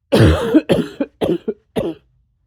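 A run of about five harsh coughs, the first longest, trailing off into shorter bursts.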